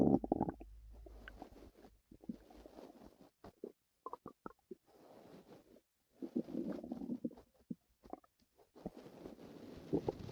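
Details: Stomach noises from a person with stomach pain the previous night: bursts of low rumbling and gurgling with short squeaky pops and quiet gaps, active bowel sounds (borborygmi).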